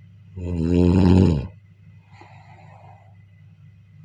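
A loud, deep, rattling snore on the in-breath, then a quiet pause, then the next snore begins. Ordinary snoring.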